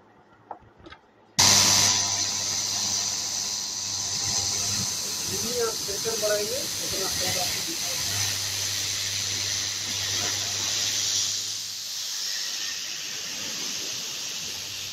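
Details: A click, then the steady hiss and hum of an air pump filling leg sleeves: a home pneumatic (air) compression therapy machine, used for varicose veins and DVT, switched on by remote and running.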